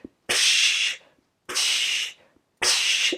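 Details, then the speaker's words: Monophasic Doppler arterial signal at the ankle pulses, as heard in people with poorer circulation whose arteries lose elasticity, during a podiatry assessment. "So, now in people with poorer circulation where they're losing some of that elasticy the sound will"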